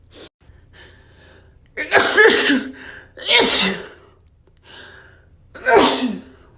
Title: I had dust sneezes